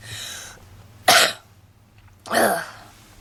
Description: Redhead girl in a black leather jacket smoking a cigarette in the car with heavy coughing and wheezing.